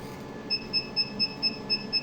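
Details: Steady high-pitched electronic beeps, about four a second, from a laser hair removal machine firing pulses while treating a woman's facial and neck hair; she reports it feels very hot.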